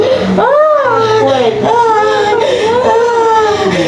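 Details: Newborn's loud, strong cry right after a normal delivery: rising and falling wails, a vigorous first cry and a normal sign.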